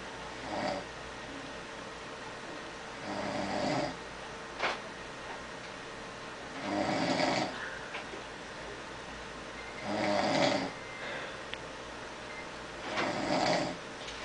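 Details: Regular rough, fluttering snores about every three seconds, roughly 19 breaths a minute, over a steady room hum, from a funeral director asleep at work on a slow day; snoring.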